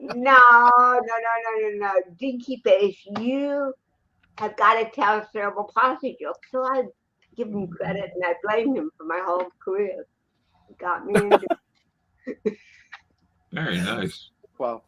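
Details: Dysarthria in an adult woman born in 1956 with congenital cerebral palsy, speaking in an interview; real, not acted.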